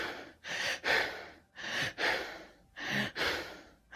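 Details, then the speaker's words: Simulated Kussmaul respirations, associated with diabetic ketoacidosis: rapid, deep, loud breaths at a steady pace, breathing off carbon dioxide to compensate for anion-gap metabolic acidosis. "kussball respirations consist of Rapid deep breathing at a consistent Pace that attempts to balance the acidotic state by breathing off carbon dioxide"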